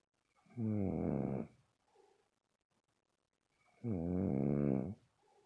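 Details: Two long, deep, rattling snores about three seconds apart in a quiet room; ordinary snoring.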